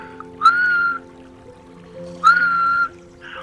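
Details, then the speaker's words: Imitation of catathrenia, an expiratory sleep sound: two steady whistle-like tones, each about half a second long, demonstrating the typical whistle type. "el caso el caso de la catatrenia que es el sonido espiratorio eh son diferentes hay varios tipos pero los típicos son un silvido"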